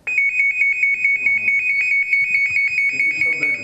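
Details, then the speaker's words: Infant apnoea breathing monitor alarm, which sounds when a sleeping baby stops moving or breathing for about 15–20 seconds: rapid, shrill repeating electronic beeps, about 140 a minute. "speciální monitor hlídá správné dýchání zvukem z alarmuje okolí v situaci Pokud náhle nastane"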